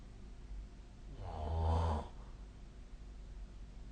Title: 🐽 本日のイビキ / Snoring Sleep Sound 2025/04/22